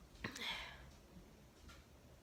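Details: Single sharp, breathy sneeze with a quick intake before it, from a girl, then quiet room noise; sneezing.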